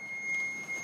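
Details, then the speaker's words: AED shock-ready alert during a lay-user training demonstration: the automated external defibrillator detected ventricular fibrillation, recommended a shock and charged, giving a steady high electronic tone while awaiting the shock button. "aqui ele está procurando a fibrilação ventricular aquele ritmo de parada choque recomendado"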